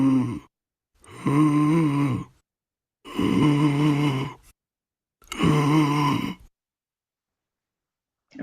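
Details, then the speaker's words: Repeated harsh, high-pitched, musical, squeaky sound heard mainly on inspiration, with quiet pauses between breaths: inspiratory stridor from partial obstruction of the larynx, trachea or throat; example for causes including croup, laryngomalacia and epiglottitis. "se caracteriza por ser un sonido eh musical eh jante Como chillón y se escucha principalmente en la inspiración a continuación pues para recordar así se escucha"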